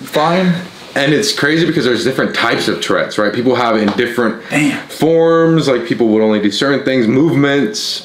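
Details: Adult man speaking; Normal speech.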